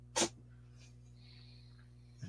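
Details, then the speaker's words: Cat sneeze: one brief, sharp, hissy burst, then quiet over a steady low electrical hum. "bless you kitty did you guys hear that my cat sneezed"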